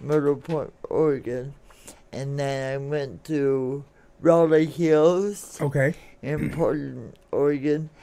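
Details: Dysarthria from congenital cerebral palsy in an adult woman born in 1959, caused by oxygen deprivation to the brain during delivery; it affects her speech and motor skills, and some listeners have difficulty understanding her.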